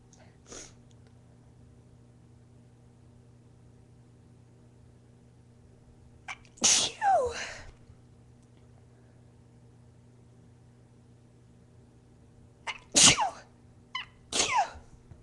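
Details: Several loud, explosive induced sneezes from a female, a pair then a close trio, with brief quiet breathing between; a sneezing fit.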